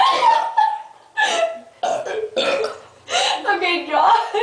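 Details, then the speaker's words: Burping contest, deliberately slurping to swallow air: about five long, voiced, rumbling burps in quick succession. "The trick is to slurp so you get air in between. Hold on."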